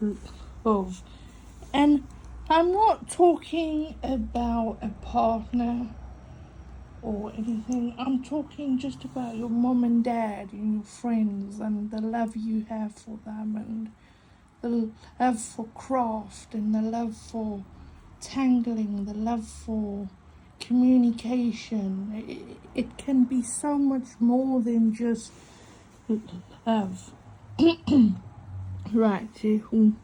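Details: Adult female with a stutter mainly on vowel-initial and W words and long phrases, coping with breathing techniques and a stuttering device on her phone: stuttering.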